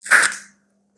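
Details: Metered-dose inhaler puff actuated during a live demonstration of inhaler technique for wheeze, asthma and allergy; the inhaler, used when phlegm or a cold sets in, is placed in the mouth.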